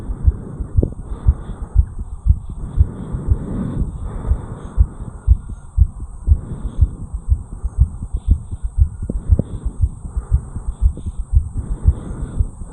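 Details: Sinus tachycardia in a 34-year-old man after jogging up a flight of stairs, recorded at the mitral area: a fast, regular, forceful heartbeat at about 118 beats a minute.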